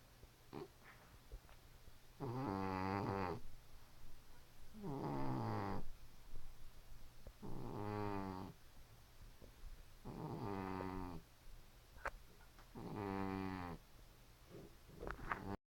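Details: Five rattling, fluttery snores on the in-breath with quiet gaps between, about 19 breaths a minute; snoring.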